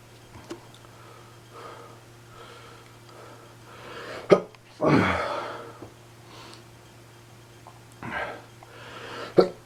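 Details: Repeated sneezing in a person with allergies, dust or pollen suspected: a few forceful bursts of breath over a steady hum, including one loud, drawn-out sneeze.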